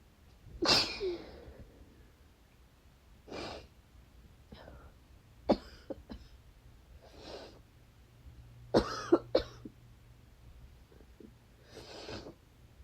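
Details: Adult with wet, desperate sneezes and sniffles, a tingling nose and cause unknown, plus several short, dry coughs in between without rattle.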